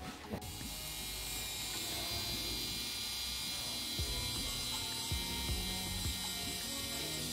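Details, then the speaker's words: Steady high-pitched whirring of a small rotary podiatry burr drill, with faint background music, treating a tiny, very painful corn on the side of a toe in a patient with Morton's neuroma. "for the lesion being really really painful what i'm gonna do is just use a drill"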